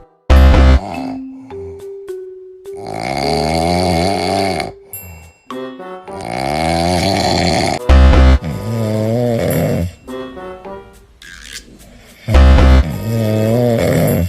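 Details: Compilation of sleeping cats, from kittens to large adults, with drawn-out snores under music: cat snoring.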